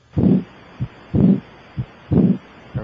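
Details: Electronic stethoscope over the aortic area with the patient sitting up, leaning forward and holding breath after full exhalation: steady lub-dub at about 63 a minute with quiet pauses and no diastolic murmur. These are normal heart sounds.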